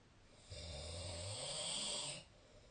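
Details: Single breathy, rattling snore under two seconds during sleep, recorded with the SnoreLab snoring app, quiet room noise around it; snoring.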